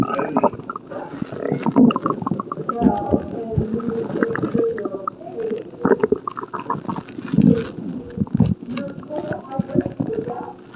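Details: Stomach growling recorded in hospital during an upset stomach: low, bubbling gurgles and rumbles come and go over several seconds as gas and fluid move through the gut.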